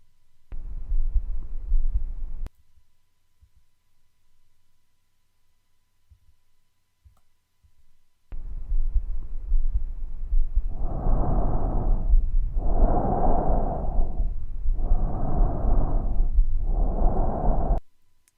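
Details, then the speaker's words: Rhonchi through a stethoscope on a child's chest: low-pitched, coarse snoring sounds with each breath, from air moving through larger airways with mucus. Bronchitis is a common cause. "these are low-pitched snore like sounds this is from air moving in the larger Airways the bronchioles when there's mucus so you can hear that air trying to get through those coarse Airways bronchitis is a common cause of rhonchi"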